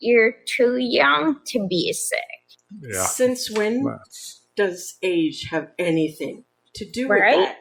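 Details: Adult women in conversation; normal speech.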